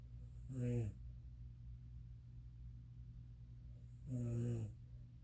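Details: Adult woman (a mother) snoring: two low, droning snores about three and a half seconds apart, quiet breathing between, steady room hum; ordinary snoring.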